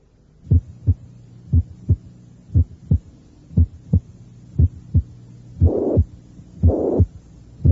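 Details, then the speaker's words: Heart sounds recorded at the cardiac apex (teaching example 9): normal regular first and second sounds near 60 a minute, heard first alone, then with a soft, high-pitched blowing systolic murmur of mitral regurgitation. "los ruidos cardíacos son normales y existe un débil soplo sistólico de tono alto por insuficiencia mitral"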